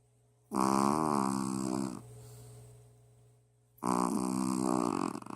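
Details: Shih Tzu dog snoring while asleep: two loud, buzzing snoring breaths with a softer rasp on the breath out; ordinary snoring.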